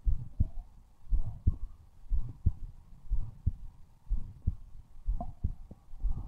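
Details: Steady paired lub-dub heartbeat, about 60 beats a minute, with a faint background hum; a normal adult heartbeat, the recorder's own.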